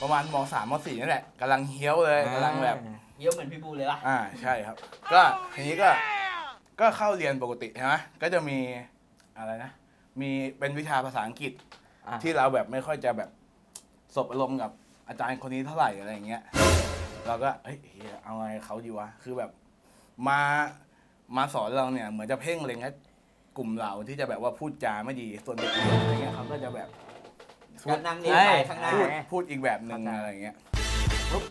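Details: Thai speaker from a group of people who stutter, heard during a challenge game; stuttering.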